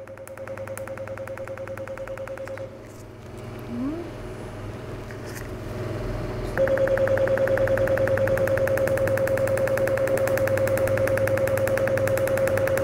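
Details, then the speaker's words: Cutera enlighten picosecond laser, pico genesis mode, in whole-face treatment for tone, pores and collagen, done by a dermatologist: rapid, very regular snapping clicks about 200 a minute over steady tone; pulses shatter skin pigment, quieter as pigment decreases. "on entend beaucoup moins de laser que le laser va être captée par le capter de pigments il va être la lumière va être en chasser dans cette molécule de pigments qui éclate par la suite"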